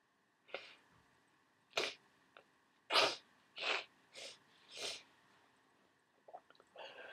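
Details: Six short, muffled sneezes held back with the mouth closed, spaced about a second apart, with sniffing at the end; stifled sneezes in a congested person.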